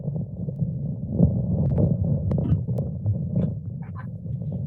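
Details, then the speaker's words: Normal rumen contractions: a low, continuous gurgling and rolling rumble that swells and fades. "Y el caso de los movimientos ruminales, como sabrán, ¿no? Que realmente es muy, muy importante hacerle un diagnóstico precisamente del aparato digestivo, en particular de los movimientos que se van a contabilizar de estos animales"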